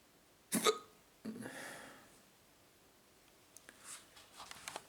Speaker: i drink a bit more water i think the hiccups are gone that's good news